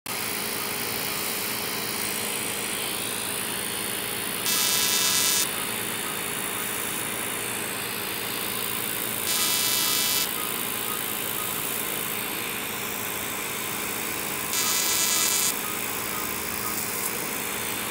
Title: CO2 laser eyelids